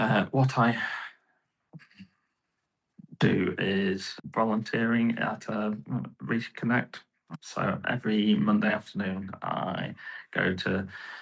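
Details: Adult male with post-stroke aphasia and right-sided weakness, about 15.5 years after the stroke; he initially could not talk and has improved each year.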